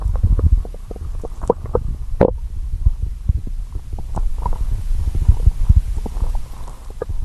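Continuous low gurgling and rumbling from the belly with bubbly pops: normal stomach growling from hunger.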